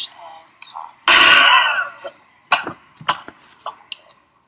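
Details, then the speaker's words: Manually assisted cough, patient supine: hand over the diaphragm, deep breath in, hold, head turned, cough with an upward and inward push on the diaphragm; one strong, forceful cough burst with slight throat clearing. "have the patient breathe normally place your hand directly over the patient's diaphragm instruct the patient to take a deep breath in hold it turn their head and cough"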